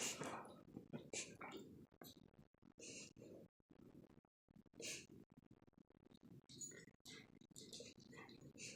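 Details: A dog, Bronson, makes a run of rapid, harsh snorting inhalations resembling a reverse sneeze; his teeth chatter with each episode.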